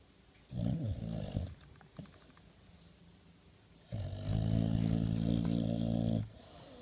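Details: Snoring in a sleeping Boxer dog, described as talking in his sleep: two long, low, rumbling snoring breaths with quiet room noise between them.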